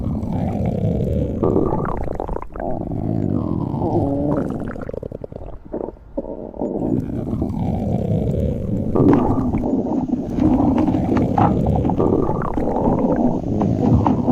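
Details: Continuous abdominal gurgling and rumbling with bubbly, squeaky runs: stomach growling (borborygmi).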